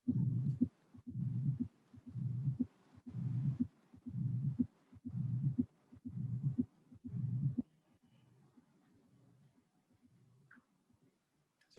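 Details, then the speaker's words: Teaching test recording in a mitral valve disease session: regular heartbeat near 60 a minute with a soft, low-pitched rumbling filling each diastole, weaker than the preceding mitral regurgitation example; low-frequency diastolic murmur. "is a low frequency sound is not so strong as the previous one that was might regurgitation i show pay attention because it's low frequency"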